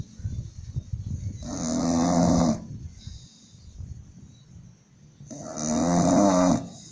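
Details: English Bulldog snoring: loud, harsh, rattling snores about four seconds apart with quieter breathing between.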